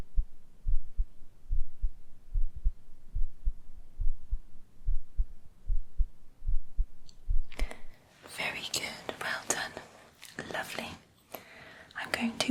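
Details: ASMR medical roleplay home cardiovascular exam: stethoscope auscultation with real heartbeat sounds, patient rolled slightly to the left onto the stethoscope, breathing slowly and deeply, no talking; normal heart sounds.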